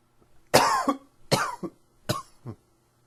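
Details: Cough from allergy tickles in the throat: three short, harsh, dry coughs in quick succession, each followed by a softer tail.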